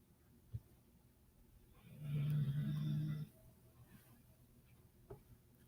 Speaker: i'm not sure if you guys can hear it but my dog is snoring in the background poor baby